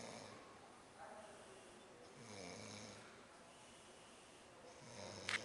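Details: Adult male teacher filmed asleep on a trip: soft, rough snoring breaths repeating every couple of seconds against faint background hiss; snoring.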